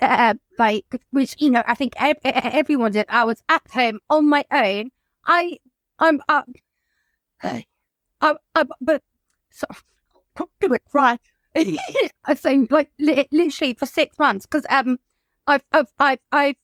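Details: Adult woman whose childhood stammer recurred after her mother's suicide and six months without social interaction in lockdown; she is in speech and language therapy; stuttering.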